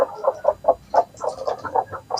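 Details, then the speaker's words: An adult rooster with a cold makes rapid, croaky, rattling sounds, noisy breathing during the rainy, windy season: respiratory rattling (snoring) in poultry. "ane jago saya jagoan dewasa ini sedang mengalami pilek ya teman-teman Hai pilek ngorok"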